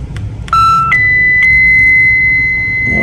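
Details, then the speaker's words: Philips HeartStart MRX defibrillator operational check with test load attached, therapy knob set to 150: short beeps, then a steady high electronic tone rising in pitch as it charges and signals ready; shock then delivered to the test load. "then verify this load is attached so this load is already there press charge button"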